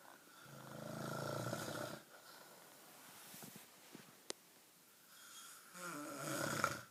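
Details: Snoring: rough, buzzing snores on the in-breath, separated by quieter breathing and a brief click, in a small room.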